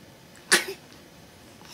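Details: One quick, sharp, airy sneeze from an infant who was meant to be filmed playing, fading fast into a quiet room.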